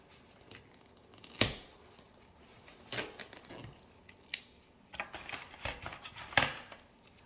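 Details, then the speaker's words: Nursing student wet-to-dry wound care demonstration: several short ripping and crinkling sounds of tape torn and pressed on edges of ABD pad over packed wound, in a quiet room. "I have a tape here, and I'll tape the wound up by the edges."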